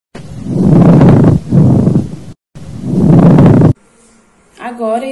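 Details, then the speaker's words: Pleural friction rub on lung auscultation with stethoscope diaphragm during deep breathing: loud, low, coarse grating surges with each breath, likened to rubbing glass, from inflamed pleural surfaces. "e o próximo som é o tom de atrito pleural ele acontece quando o uma informação Branco São se lembra um vidro ou barulho de vidros elétricos"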